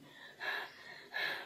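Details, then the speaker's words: Imitated panting and breathlessness as an adult recovering from COVID-19 demonstrates a movement to keep the lungs working, after feeling chest tightness and heavy breathing, worst on waking. "Saya coba melakukan satu gerakan yang mencoba bagaimana biar saya itu paru-parunya itu bergerak terus. Nanti saya akan coba lihatkan bagaimana saya bergerak untuk bisa bernafas."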